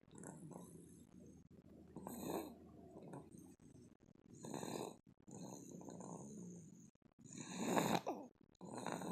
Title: baby snoring